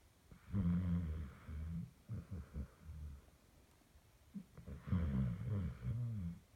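Deep, fluttering snores on each breath with short sputtering sounds and a pause between, in a small quiet room: snoring in a sleeping dog.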